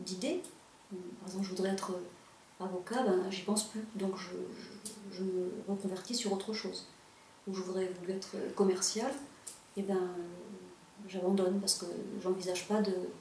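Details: French-speaking adult with stuttering, real, working in sales; stuttering.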